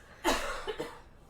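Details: During a podcast, an adult tries to hold back coughing and sounds wheezy, then gives a single abrupt cough burst followed by two softer trailing coughs in a quiet small room: an ordinary cough.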